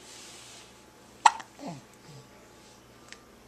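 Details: Hiccups recorded on a Flip Video camera: a sudden sharp hiccup against room noise, then a short falling voiced sound and a softer catch.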